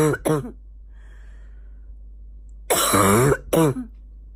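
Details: Several harsh, barking coughs from a female in quick bursts, with a short throat-clearing sound; a morning barking cough.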